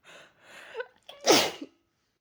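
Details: Person with a cold, sore throat and runny nose: quick wind-up breaths, then one loud, violent, forceful sneeze; sneeze.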